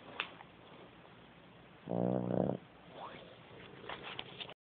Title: Super rattle snore